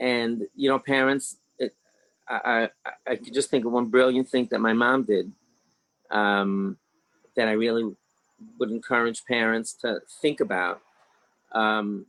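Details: Adult man, 61, with mild stuttering (self-rated about two or three out of ten); stuttering with word repetitions.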